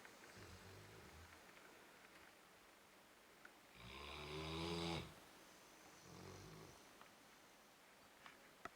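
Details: Snoring in a sleeping Weimaraner dog: a single loud, buzzing inhaled snore rises and fades, followed by a softer one, over quiet room noise.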